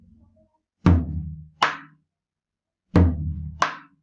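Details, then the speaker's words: Simulated normal heart sounds, S1 and S2 in normal sinus rhythm, imitated on a tambora drum and salsa bell: paired beats, a deep thump then a sharper tap. "R1, R2. R1, R2. R1, R2. En un ritmo sinusal normal. Entonces, eso sería lo que escucharíamos normalmente nosotros."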